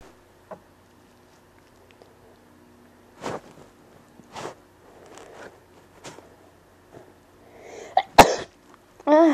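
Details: Repeated sneezing, unrestrained, which the sneezer attributes to dust: several short sharp bursts in quick succession, ending with a louder explosive sneeze and a voice.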